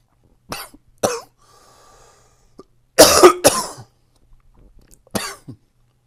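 About four harsh, loose coughs with quiet breaths between: coughing during a cold.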